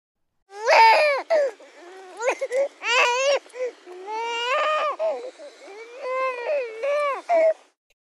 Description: BABY GIRL CRYING SOUND EFFECT!!!